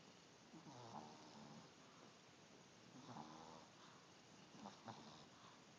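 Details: Chubby chihuahua snoring: soft, faint snorting snores with each breath, about three in six seconds, over steady room hiss.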